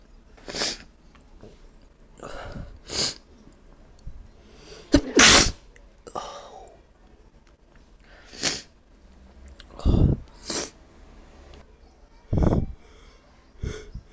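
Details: Sneezing fit of about seven forceful sneezes with gasping in-breaths between them, on a day the nose is very sensitive; presented as an allergy sneeze fit.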